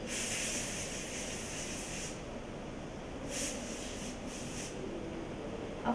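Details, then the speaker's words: Steady hiss with short bursts from a dental air syringe thinning agitated bonding adhesive and pushing it into the dentinal tubules of a tooth cavity during a Class III composite restoration. "then we use the air to thin it and push it slightly more in there and it venting tubules"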